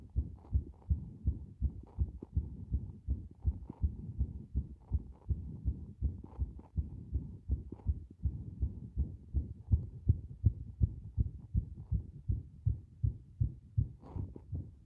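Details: Fast, low heart thumps with uneven spacing and brief gaps where the heart momentarily stops; a strong irregular heartbeat (arrhythmia).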